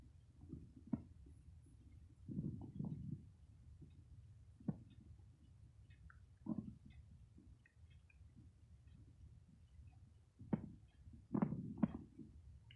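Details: Close-up recording, made without a microphone, of soft low gurgles and rumbles in short bursts over a quiet background: ordinary stomach growling, borborygmi.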